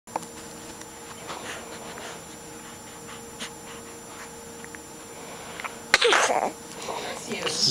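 Quiet room hum, then one sudden sharp sneeze burst followed by a brief snuffle; a single sneeze.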